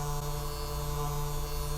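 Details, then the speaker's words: Continuous low electric hum and buzz of a vibration massager on the lower back to relax muscles before chiropractic adjustment, in a man with a work-related lifting injury and persistent hip and nerve pain. "I want to start off with the vibration first just want to relax everything in here for you let me know how it feels down here with that"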